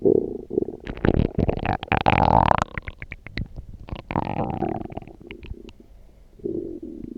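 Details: Loud stomach growling (borborygmi) after drinking coffee.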